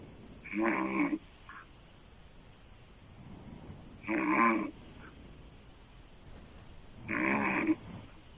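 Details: Woman's loud, raspy open-mouth snoring, described as sounding like a man's, about 20 a minute with quiet breathing between, over faint room hum.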